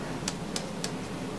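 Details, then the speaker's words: Adult abdominal assessment, percussing after auscultation: three quick, evenly spaced taps giving a hollow, watermelon-like tympanic note from air over the abdomen. "So the sound for percussion over the abdomen is going to be a tympany. So it's going to be a hollow sound, almost like you're hearing it over like a watermelon. Okay. So this is just air over the abdomen."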